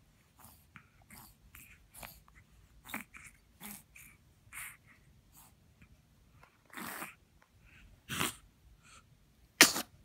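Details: Dog: a run of small sniffs and snorts builds to several short, sharp sneezes. Repeated sneezing.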